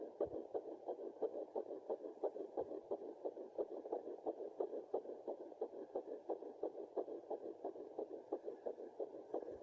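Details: Fetal heartbeat at 9 weeks 2 days of pregnancy: fast, regular whooshing heartbeat at about 176 beats a minute, a normal rate for this stage.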